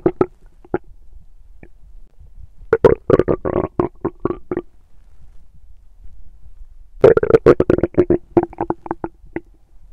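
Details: Human bowel sounds (borborygmi), active digestion recorded instead of intended hunger sounds: two loud runs of rapid gurgling, bubbling pops in a quiet room.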